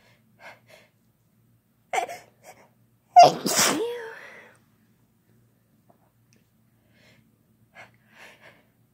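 Several soft sounds, then a gasping inhale and one loud, drawn-out sneeze with a vocal tail; ordinary sneezing.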